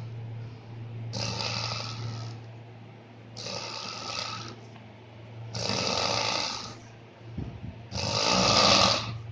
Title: High level snoring.irritating, funny